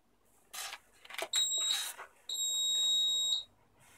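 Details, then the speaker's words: Wired eight-patient nurse call bell system main panel with a preset reminder and volume-controlled beeper: steady high-pitched electronic beeps with clicks between them, signalling a pending patient call; nurse call alert. "it is a reminder which can be preset a reminder cycle can be lower or greater even you can reduce the volume control to reduce the volume and increase it"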